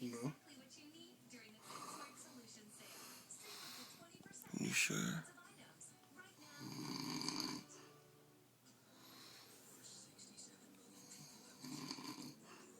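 Rough, noisy breathing sounds repeat through the clip over faint music and room noise, fitting snoring.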